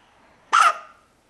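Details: Person sitting at a table with a bad case of hiccups: a single sharp, voiced hiccup in a quiet room.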